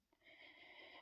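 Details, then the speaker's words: A single faint, high, whistling breath sound in a quiet room from an overweight adult on many breathing medications who is breathless and wheezy getting out of bed and on stairs; wheezing. "Getting out of bed, I am breathless. I'm wheezing. You can hear my breathing."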